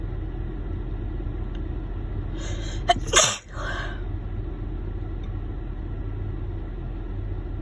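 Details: Person sneezing in a car in a parking lot after holding back an intense, itchy nasal tickle through an 8-hour workday: a short catch of breath, then one sharp explosive sneeze over low engine rumble.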